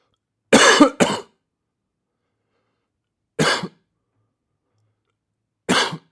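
Four dry cough bursts in a quiet room, a quick pair then two single coughs; a sound-effect recording.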